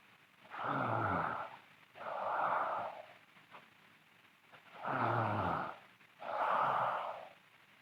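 Loud rough snores with each breath during sleep, four in about eight seconds, with a faint snort between them: snoring.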